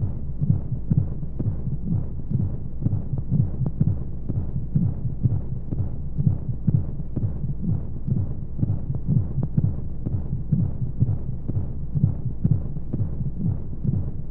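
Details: Womb sound played as a baby sleep aid: rapid, muffled thumps about 125 a minute with regular rhythm under a steady whooshing rumble of white noise and flowing sounds; heartbeat.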